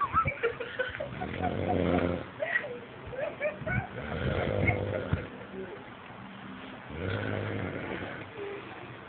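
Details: Man called "el papiri" snoring: several rough, low, rattling breaths in a row with faint background noise; snoring.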